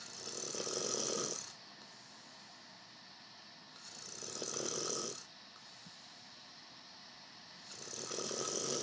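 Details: Three rough, hissing snoring breaths about 3.5 seconds apart, with quiet pauses between them; ordinary snoring.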